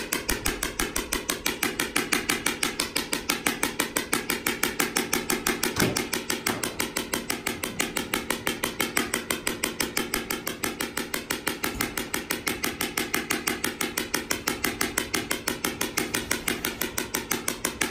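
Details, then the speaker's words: Shock wave therapy on a mildly sedated, nervous horse with a slowly healing small skull fracture and bony callus, 500 shocks with the probe kept moving: loud, steady, sharp clicking pulses at about two per second with faint room noise. "so once we start the treatment it's pretty noisy the treatment is based on number of shocks typically horses get a thousand to 1,500 shocks"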